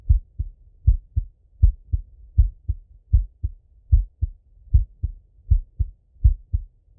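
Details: Male heartbeat by stethoscope during full heart auscultation, recorded either sitting at a desk or lying in bed: steady paired lub-dub beats at about 79 a minute, no extra sounds between them; normal heart sounds.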